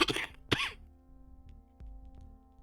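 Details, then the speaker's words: Adult streamer recovering from a cold (possibly a mild flu) who says they are feeling better, pausing speech to wheeze and cough. "i have still been struggling with my cold which i'm hoping is not just a super mild flu we'll see though we'll see the important thing is that i'm feeling hold that thought let me just wheeze for a second"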